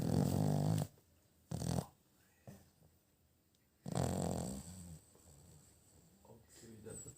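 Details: Sleeping dog: loud, low rumbling snores with quieter breathing and small noises between them; dog snoring.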